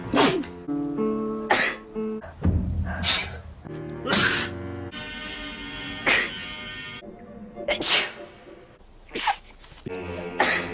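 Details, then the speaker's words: Simulated sneezing of dogs with "snout fever" in an animated film: repeated sharp sneeze bursts over a music score. "snout fever, high temperature, low blood pressure, acute moodiness, and spasmotic nasal expiration."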